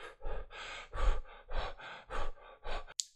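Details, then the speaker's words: Imitated breathing of a sleep patient on ASV therapy: a normal breath followed by quick, shallow panting breaths, suspected low CO2 with tingling and numbness. "so he's basically panting. What is going on there?"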